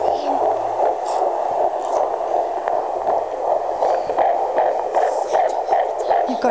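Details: Fetal heartbeat at 15 weeks 3 days on a midwife's handheld Doppler: fast, rhythmic whooshing pulses about 158 beats a minute; parent felt the baby move while listening.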